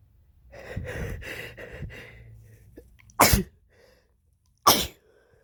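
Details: Sneezing from a person sick with a cold (their third this year): several quick catching inhalations lead into a loud sneeze, then a second sneeze a moment later.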